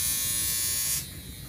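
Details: NuDerma high-frequency skin therapy wand, used on an adult woman at home: a steady high-pitched electric buzz that drops away after about a second.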